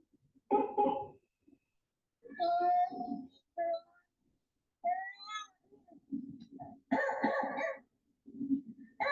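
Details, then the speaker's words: Girl in the emergency room with croup and visible retractions: harsh, seal-like barking cough with high-pitched inspiratory stridor. "When you hear CRO, the noise almost doesn't sound human. It sounds like it's coming from an animal. Like I said, like a seal"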